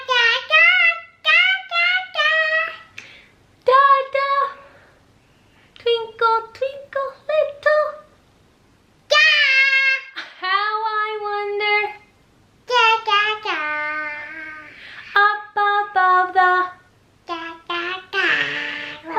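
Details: Girl nearly 3, recently diagnosed with childhood apraxia of speech, without all vowel sounds yet; vocalizes a song melody without words and attempts "dada" and "bear"; childhood apraxia of speech.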